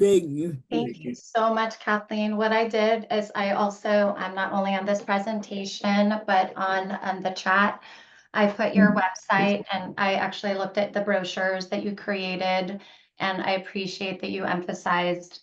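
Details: Adult woman speaking; Normal speech.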